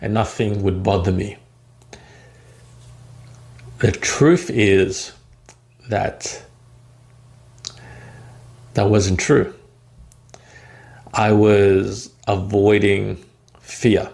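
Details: Man who stutters and describes his own journey of overcoming stuttering, with a word repetition heard; stuttering.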